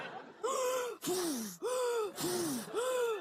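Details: Comedic Russian skit in which a character is told not to snore: alternating loud, tonal whooping and hoarse breath sounds, about five in a row; repeated gasping.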